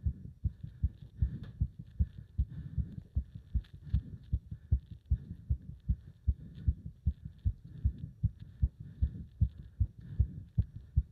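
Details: Heart sounds during leg-wrench exercise, pounding felt up to the subclavian artery: fast, strong, regular heartbeats about 150 bpm with a faint hum behind; racing heart with exertion.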